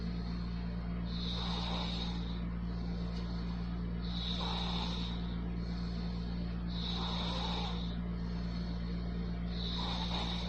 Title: Snoring 😴😴 November 2018)